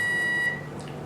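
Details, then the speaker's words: Hyfrecator wand touched to the skin of a 29-year-old woman's lower leg, vaporizing tissue while outlining and removing a mole: a steady high electronic tone with a faint buzz for about half a second, then it stops. "so this is the high procat wand and as you can see just touch it against the skin now and you can see it's vaporizing the tissue as I touch it"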